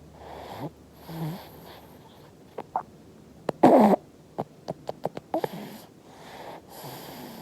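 Soft, rough snoring breaths from a sleeping baby, broken by a run of small clicking, sucking sounds and one louder snort; infant snoring.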